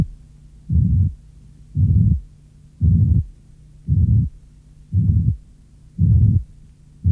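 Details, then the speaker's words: Simulated low-pitched murmur generated from a 70–110 Hz frequency band. "La bande de 70 à 110 Hz produit un son grave, comme celui-ci."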